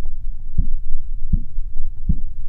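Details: Live blood pressure reading demo: three sharp, low tapping sounds at about 80 a minute, the first Korotkoff sounds marking systolic pressure; Korotkoff phase I.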